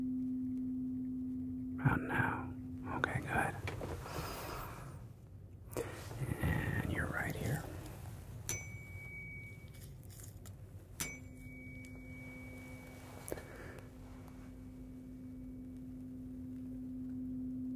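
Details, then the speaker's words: Simulated ASMR ear-exam roleplay: struck tuning forks, lowest first, give steady pure ringing tones that fade out while the listener reports when ringing stops, with soft whispered talk; tuning fork hearing test. "we're going to use some tuning forks did you play the piano so we're gonna start here and let me know when you hear it stop ringing okay so this is going to be the lowest one"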